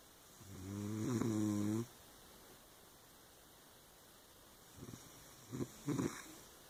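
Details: One long, loud, buzzing, low-pitched snore, then quiet and a few brief snorts; snoring.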